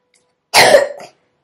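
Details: Boy at home with a harsh cough his mother attributes to allergy, allergist visit pending: single rough, throaty cough burst.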